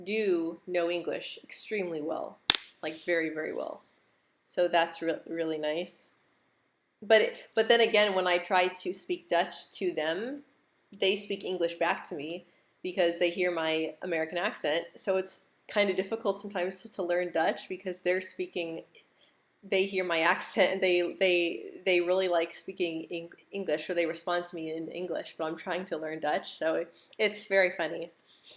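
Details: Adult woman who stutters, speaking English live; she reports stuttering more when stressed, insecure or nervous, with jaw and tongue tension; stuttering.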